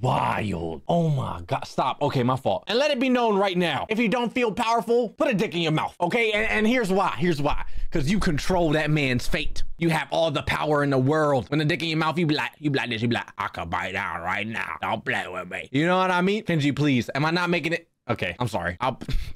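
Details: Adult male speaker; Normal speech.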